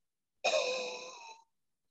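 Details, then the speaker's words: A respiratory therapist demonstrates a low huff cough for cystic fibrosis airway clearance: a single soft, breathy, open-mouth exhalation of about one second, moving air in bulk rather than with force. "let me demonstrate a huff cop now this huff cop is what we call a low huff okay i'll demonstrate this for you do you hear the difference basically what you see here is not so much force but a movement of air in bulk up the airways"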